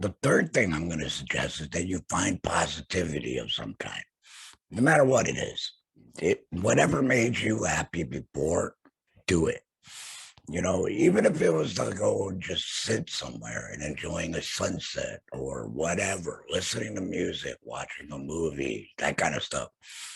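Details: Adult man, laryngectomee after throat cancer with vocal cords removed; hoarse voice for about six months before diagnosis; alaryngeal speech after total laryngectomy.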